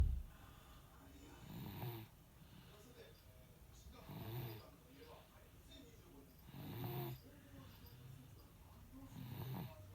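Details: Sleeping baby: soft, low snores with each breath, about 24 a minute, in a quiet room; infant snoring.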